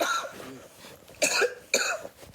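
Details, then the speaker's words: Woman coughing constantly while trying to film: two sharp, dry coughs close together after a brief vocal sound, part of repeated, persistent coughing. "I find explain it's going on and I just keep coughing constantly and I don't want to have to keep doing that by the camera"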